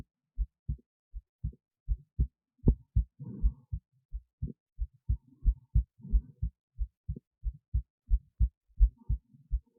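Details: Own heartbeat recorded via esophageal stethoscope resting near the heart, with EKG: clear low paired beats about 88 a minute, faint breath noise between some beats; normal heart sounds.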